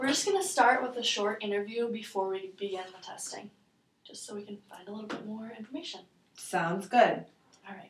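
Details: Adult female clinician; normal speech.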